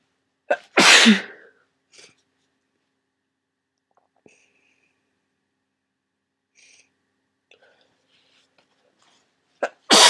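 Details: Adult with a head cold and swollen sinuses: a sharp intake, then one loud, explosive, snotty sneeze into tissues, faint sniffs and rustling, then another sneeze beginning; some sneezes were induced when stuck.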